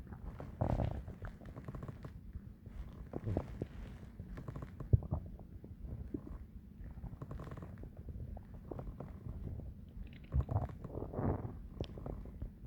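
Low gurgling rumbles and bubbling surges on and off, typical of a growling stomach during ordinary digestion.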